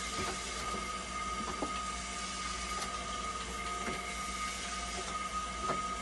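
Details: Steady machine hum with a constant tone and periodic soft clicks of valves and pumps from a hemodialysis machine running after a part was replaced, tested for a recurring flow error.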